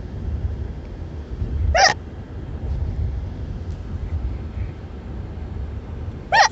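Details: Two sharp hiccups from a woman after a buffet meal, recorded in a moving car over steady car and road noise with background talking.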